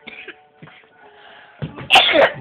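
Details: Adult coughing badly while hula hooping: a few soft throat sounds, then a loud, harsh, forceful cough burst near the end.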